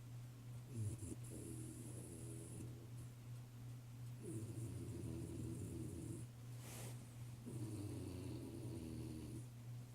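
Low, rumbling snores on breathing in, three in ten seconds, about 18 breaths a minute, over a steady hum; snoring.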